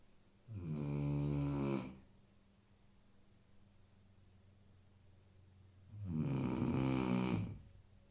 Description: My dog snoring